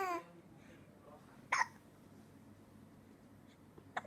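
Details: Male infant aged 56 days with a stomach ache, a lot of gas and tears in his eyes, looking at a toy fox. Two or three abrupt little hiccup sounds in a quiet room: infant hiccups.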